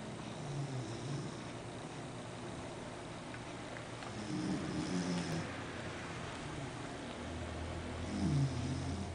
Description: My Beagle Nina is doing what she does the most, sleeping! Sometimes she snores so loud that she awakes herself, LOL.